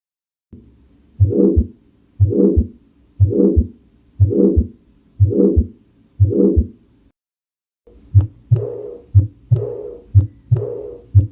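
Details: Normal heart sounds heard by stethoscope auscultation: a regular heartbeat at about 60 a minute with clear paired lub-dub first and second heart sounds (S1 and S2).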